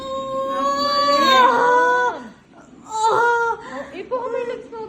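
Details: Loud, high, tonal wails in bursts from a newborn just after birth in a small room: a strong, normal newborn first cry.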